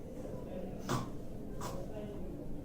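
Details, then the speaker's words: Snoring with gasps: an adult imitates two sharp, noisy gasping breaths about a second apart, over a low room hum, illustrating gasping in snoring children as a warning sign of obstructive sleep apnea. "the problem is that some of these snoring can be associated with a condition which is known as obstructive sleep apnea."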